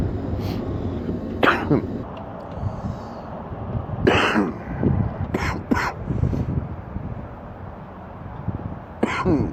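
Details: Adult man sick with an extremely stuffy nose gives about five deep, harsh cough bursts over a steady low rumble, a horrible deep wet productive cough.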